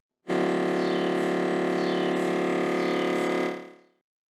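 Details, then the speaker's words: MRI scanner in its noise-reduced Quiet Suite mode, giving a steady, soft humming tone that is much gentler than the usual loud knocking. "This is what you used to hear. This is Quiet Suite."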